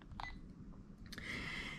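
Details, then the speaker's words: Sigma Spectrum infusion pump being programmed, OK key pressed after selecting training med-surg profile: brief electronic keypad beeps and a steady tone, faint room noise; normal keypad feedback. "we're going to click training med surge it's already on that one so we're going to hit the ok button"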